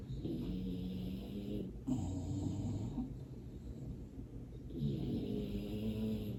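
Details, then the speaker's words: A pet dog's snoring: low, rumbling snores with a soft buzzing tone in three long stretches with brief pauses, faint room noise behind. "We will enter meditation to the sound of my dog snoring, but I will silence the video for you through the actual silent meditation."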